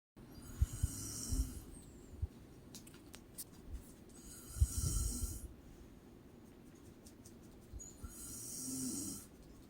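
Slow, deep snoring with a low rumble on each breath in, about 15 breaths a minute; ordinary adult snoring.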